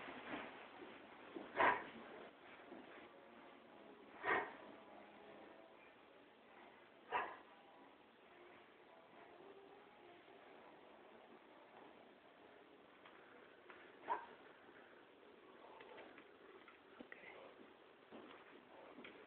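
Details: Dog with kennel cough gives four sharp, harsh cough bursts spread over about twenty seconds in a quiet room.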